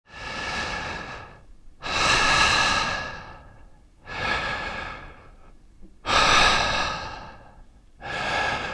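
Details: Sound-effect library recording of human breathing and snoring: loud, airy breaths with a hoarse rasp, about 15 a minute, each drawn long and slowly fading; noisy breathing.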